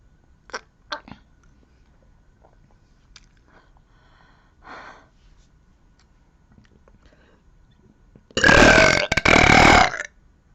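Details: Girl burping: quiet clicks and a short low rumble, then a loud, long, voiced belch in two parts, about two seconds in all.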